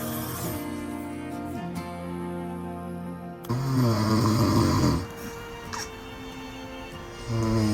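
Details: Sleeping adult father snoring loudly beside a newborn baby, possibly waking the baby; rumbling snoring breaths over background music: snoring.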